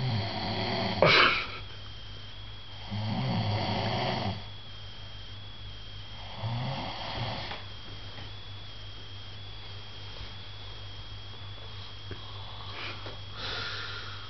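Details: A person snores with rough, rattling snores on a few breaths, likened to Darth Vader's breathing, over a steady electrical hum and quiet room noise.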